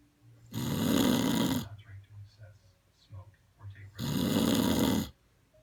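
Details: Loud snoring: two rattling snores on the in-breath, a few seconds apart, with quiet breathing between.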